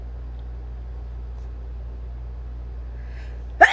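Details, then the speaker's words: Sneezing fit: after steady room hum and a faint in-breath, one abrupt, forceful sneeze; the person says they never sneeze just once. "i can never sneeze just once so i know there's going to be more"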